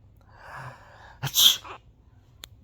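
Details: A quick in-breath, then one sharp, hissing sneeze and quiet room noise, recorded while a pet is being trained to say 'bless you'; sneeze.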